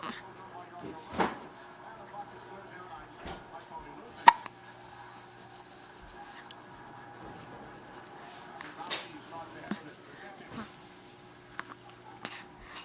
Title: the plight of the hiccup